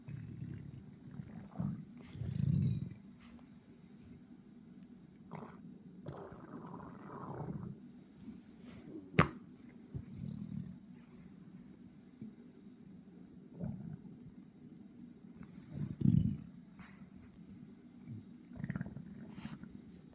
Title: Stomach growling